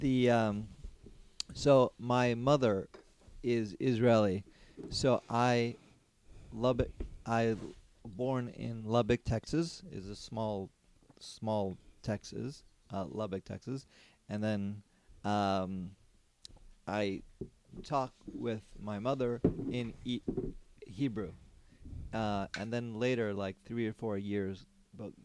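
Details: Non-fluent aphasia with word-finding difficulty in an adult man after a stroke during surgery about eight and a half years earlier; could say only one word for about a year afterwards; ongoing speech therapy.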